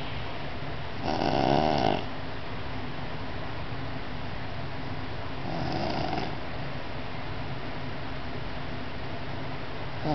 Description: This explains why I have to wear ear plugs when my nephew sleeps over.